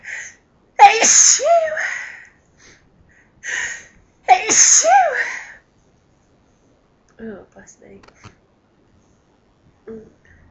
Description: forceful sneeze fit which felt incredible - louder than normal sneezes